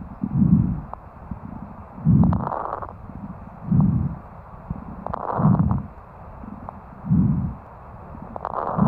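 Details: Fine rales (fine crackles) heard by stethoscope on lung auscultation: regular breath sounds with faint, brief crackling pops scattered through the breaths.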